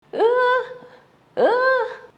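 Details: Stridor from a narrowed upper airway: two loud, high-pitched musical noises with a rising start.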